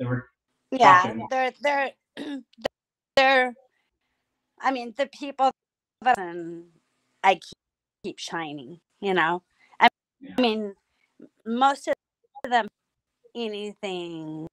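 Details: Woman about nine years after strokes from a carotid artery tear, the first ones bleeds, which left her barely able to talk; she relearned speech with a speech pathologist through singing and reports memory problems. Post-stroke aphasia.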